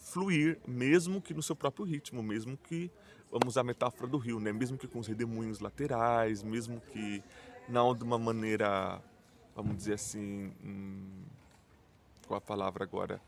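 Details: Portuguese-speaking adult who stutters, self-described as mostly blocks and silences with some repetitions; stuttering.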